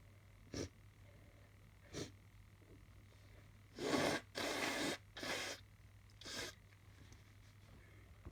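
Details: Person suspecting hay fever or allergies, sniffly all day: short sniffs and catching breaths ("hup"), then a run of forceful sneezes close together.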